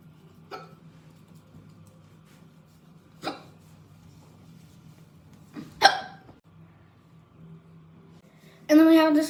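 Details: A person hiccups while talking in a quiet room: three sharp, brief hiccup sounds over about eight seconds, with a short voiced sound at the end. Ordinary hiccups.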